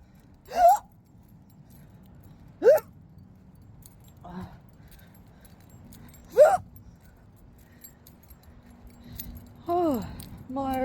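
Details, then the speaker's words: Loud, uncontrollable hiccup spasms from a person walking home outdoors after a bus ride and errand, hiccups persisting throughout the walk. "couldn't believe how my hiccups could be so loud and then echoed on top of that was a little funny"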